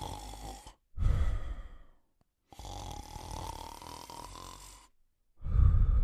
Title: The Male Golden Retriever & Cocker Spaniel Sleeping & Snoring